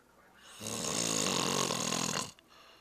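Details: Recorded on a Flip Video camcorder: a single loud, rough, rattling inhaled snore lasting under two seconds, in a quiet room; snoring.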